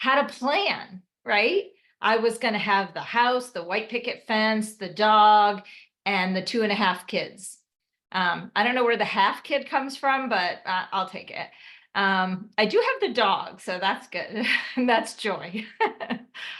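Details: Adult woman speaking; typical speech.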